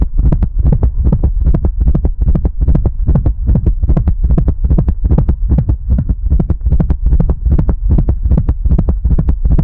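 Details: Hypertensive dog with kidney disease and cardiac hypertrophy, heart auscultation replayed: rapid, regular low thumps about 150 a minute with an added extra sound, a gallop rhythm from a stiff, thickened left ventricle.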